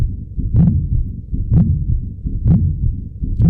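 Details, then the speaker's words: Pericardial friction rub in pericarditis, described in systemic lupus erythematosus, heard with a stethoscope: regular heartbeat near 64 a minute, each beat carrying a harsh scratchy sound. "against each other causing a typical pericardial rub sound that one can hear with a stethoscope."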